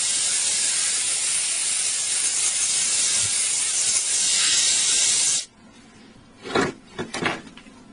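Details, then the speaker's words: Dental air syringe hissing steadily for about five seconds, then stopping abruptly with faint handling clicks, drying the cavity after two more adhesive coats, before light-curing, in a post-and-core demonstration. "two more brush holes a simplicity to are applied and the cavity is dried again for five seconds"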